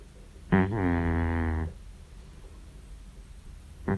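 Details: 14-year-old cat asleep: one long, low, rattling snore lasting about a second, then quiet room noise and the start of the next snore; snoring.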